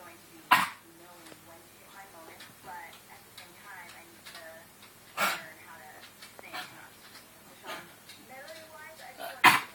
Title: Babys cough